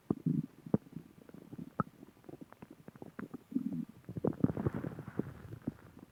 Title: Stomach growling